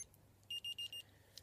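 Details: Four short high-pitched beeps over faint room hum from an Accu-Chek Insight insulin pump after cannula and insulin change, cannula filled, signalling insulin delivery restarting.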